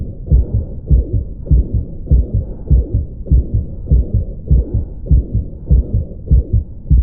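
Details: Ventricular septal defect murmur: regular heartbeat near 100 a minute with a harsh murmur filling the space between beats.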